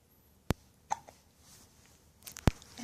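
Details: Hiccups on a happy morning: two sharp, brief hiccups about two seconds apart, with faint small sounds between them in a quiet room.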